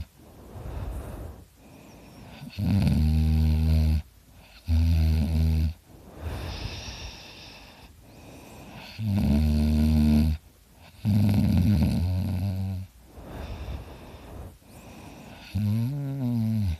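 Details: Person recorded while asleep, likening it to a chainsaw: loud, deep, rattling snores in repeated breath cycles, each buzzing for about a second, with quieter breathing between; heavy snoring.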